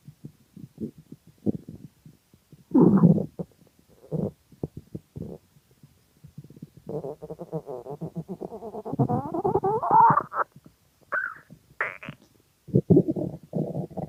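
Long gurgling, squeaking and rumbling stomach noises in bursts; ordinary hunger growling.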